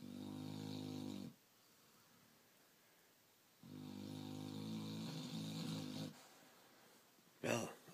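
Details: Tired black Labrador dog asleep, snoring: two long, buzzing snores with a quiet gap, then a brief sharp noise.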